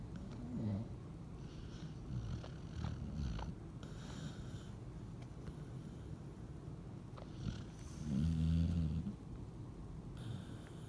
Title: Yep that’s my dog snoring